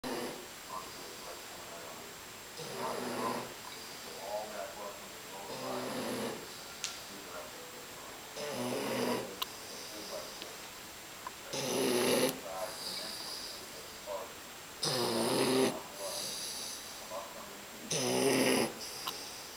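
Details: Bulldog puppy, about 3 months old, sleeping and snoring loudly with rattling snores at about 20 breaths a minute and quiet breathing between them; the owner says the snoring had grown worse by 5 months.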